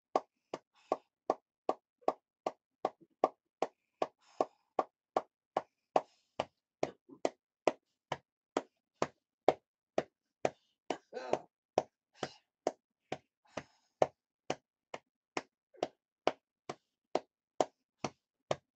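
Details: Steady hollow thumps at about two per second with occasional faint breathing; lower-lobe chest percussion airway clearance in a cystic fibrosis patient who has been coughing up blood for 2–3 days.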